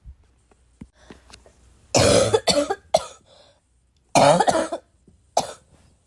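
Two loud bursts of deep, rough coughing, with a few faint breaths and small sounds between them.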